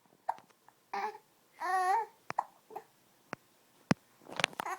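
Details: Young child laughing at her own hiccups: babbling and cooing broken by several short, sharp hiccup catches of breath in a quiet room.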